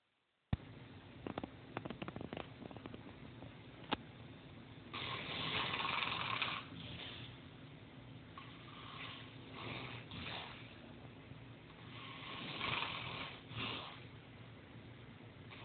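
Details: Irregular, rough, noisy snoring breaths, with a few clicks and rustles over room hiss; snoring.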